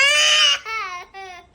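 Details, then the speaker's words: Baby boy crying, wanting to be held by his mother while his twin brother tries to comfort him: high-pitched cry in three short wails, loudest at the start and fading, in a small room. "Rezwan, এই দেখো তোমার ভাইয়া পচা কান্না করতেছে। যাও একটু আদর করে দাও। বলছে আম্মুর কোলে যাওয়ার জন্য কান্না করতেছে।"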